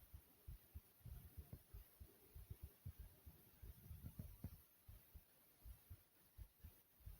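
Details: Fast, forceful, regular heartbeat of about 110–120 beats per minute, described as beating fast and hard, over a low steady hum, with the stomach heard growling a few times.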